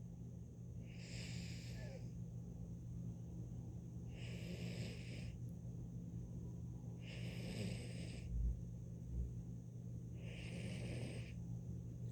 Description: My fat cat Garfield snoring while he sleeps in the window..